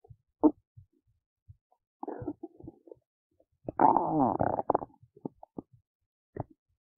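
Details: Belly noises recorded while digesting oats: irregular gurgles, squeaks and a longer rumbling growl, ordinary stomach rumbling bowel sounds.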